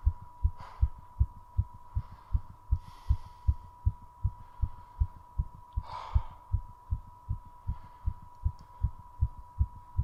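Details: Very fast heartbeat with heavy breathing after a 3:30-minute squat challenge, heart deliberately driven as fast as possible, recovery including two short breath-holds: tachycardia after exercise.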